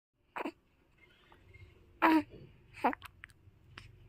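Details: A little child's hiccups: three abrupt, short gulping sounds in a quiet room, each a sudden catch of breath.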